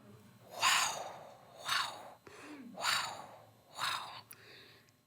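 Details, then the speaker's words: Woman recounting how, at 15, a doctor's ultrasound wand on her belly revealed her pregnancy, imitates the sound with breathy, rhythmic mouth-made whooshing bursts mimicking a fetal heartbeat on ultrasound. "And she took the same magic wand, and moved it in my belly, and I heard the same sound."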